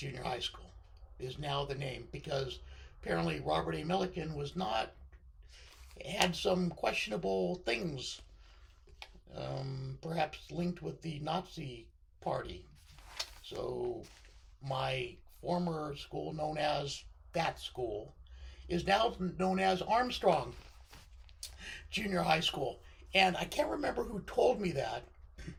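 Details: Adult man with left-sided unilateral vocal cord paralysis following surgery (partial left lung removal, lobectomy), which limits his voice control; a thoracic surgeon recognised the paralysis from his voice.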